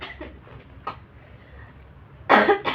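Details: Faint breathy throat noises, then two sharp coughs near the end, an irritant cough after inhaling snuff in a sneezing challenge; the person reports the snuff makes breathing hard.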